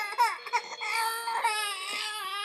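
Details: High-pitched, tuneful wailing of a baby in short and drawn-out bursts; ordinary infant crying.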